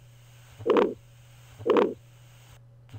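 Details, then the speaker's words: Severe aortic stenosis in a pediatric cardiology teaching recording: loud, harsh crescendo-decrescendo systolic ejection murmur filling each systole, about 50 beats a minute, steady background hum. "I will give you a few second to listen to a case of severe aortic stenosis with systolic ejection murmur loud"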